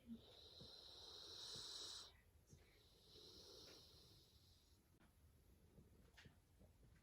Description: While my pet bulldog sleeps, he snores loudly. Snoring loudly has never been so cute!